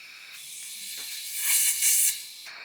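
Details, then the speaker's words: Nursing OSCE abdominal assessment demonstration, bedside wall suction check: steady airy hiss rising as the suction is opened, confirming wall suction is working. "Yep, that's all working beautifully."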